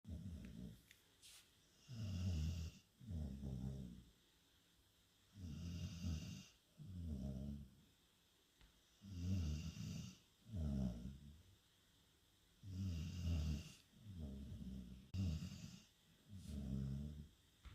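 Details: Sleeping dog snoring: loud, deep, rattling snores in paired inhale–exhale bursts, about 17 a minute.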